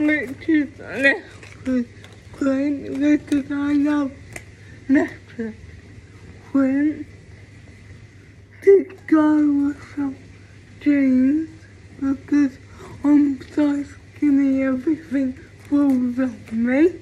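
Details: Female with cerebral palsy; speech of a person with cerebral palsy (specific speech disorder not named; possible dysarthria).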